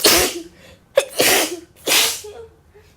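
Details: Staged re-enactment of a female speaker warning she'll sneeze, then an uncontrollable sneezing fit: three forceful, hissing sneezes in quick succession, each with a sharp onset, in a small quiet room.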